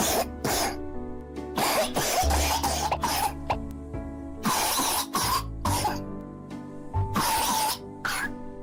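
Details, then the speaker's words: Child's weak, hoarse ("miserable") cough in short, rough, tired bursts over background music; this type may suggest influenza, especially with fever of 39–40°C, chills, muscle aches and weakness from the first or second day of illness. "далее мы переходим к четвёртому типу кашля это слабый хриплый кашель ещё на английском языке его называют miserable"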